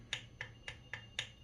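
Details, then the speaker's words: Five short, sharp clicks about a quarter second apart: button presses on a Class 3 portable handheld physiotherapy laser, stepping the timer in multiples of 5, from 5 to 30 minutes. "This is the battery indicator, and these are the protection. This is the protection glass. You can see this is the protection glass, and uh, this is uh, this is the timer section. I can increase the time from in the multiple of 5,"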